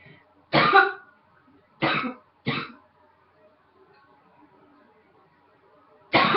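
Four separate coughs, sharp and harsh-edged, with quiet pauses between them.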